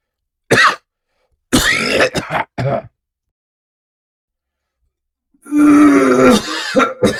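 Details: Adult man acts out staged sound-effect coughing: a few harsh, dry cough bursts, then a long, rough, voiced throat-clearing hack.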